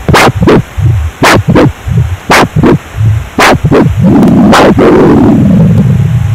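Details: Rhythmic whooshing pulses, about two per second, then a longer steady rushing sound, recorded with an IMUSA Falcon PRO handheld Doppler; Doppler ultrasound signal.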